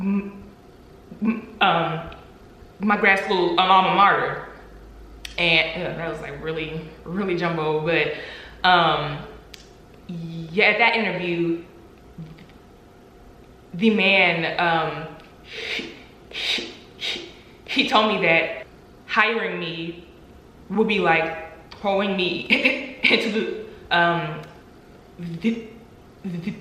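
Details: Adult woman who stutters, with audible word repetitions; she reports three years of job interviews without an offer due to her stuttering; stuttering.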